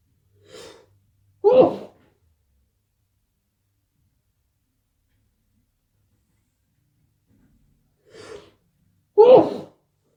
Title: Why do i keep sneezing?!